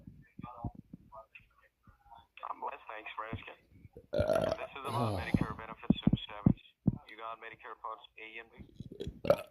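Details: Someone burps during a phone scam call: speech interrupted by a long, loud, deep belch, then talking resumes; ordinary burping.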